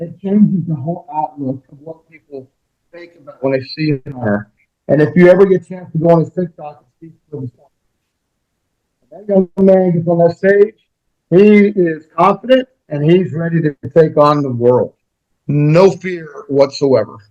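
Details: Adult male speaker; normal speech.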